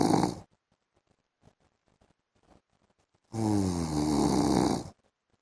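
A single loud, buzzing snore after a few seconds of quiet, with the end of another at the start.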